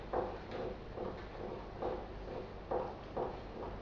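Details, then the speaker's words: Cardiology teaching demonstration: dull heart sounds in groups of three with a horse-running rhythm, a pathological additional third heart sound (S3) producing a gallop rhythm. "does that sound like a horse running it's called a Gallop so a Gallop rhythm is because of an S3"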